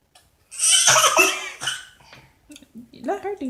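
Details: A toddler and grandfather in a burping contest: a loud, rough burp lasting about a second, then a softer one, with brief voices; burping.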